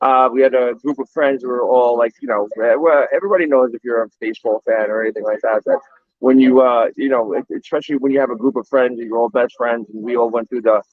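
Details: Adult man speaking; conversational speech.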